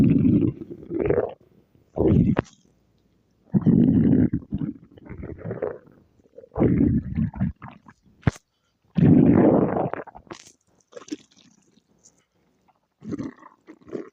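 Long, low, rolling growls and gurgles in repeated bursts with quiet gaps; ordinary stomach growling from gas and fluid moving through the gut.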